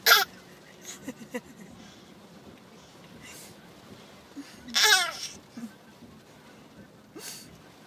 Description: Baby learns he can cough.. to cute